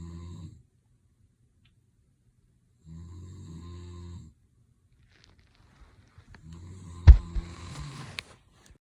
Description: Listen to my husband snoring 😴.